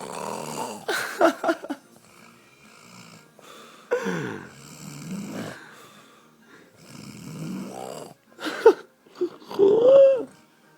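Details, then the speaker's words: Adult man out cold asleep the morning after a night out, snoring loudly and oddly, as if about to stop breathing: rattling snores with wheezy, whistling breaths over several breath cycles; heavy snoring. "It's not stop snoring, man. It's doing it weird as. Sounds like you're gonna stop breathing, cunt."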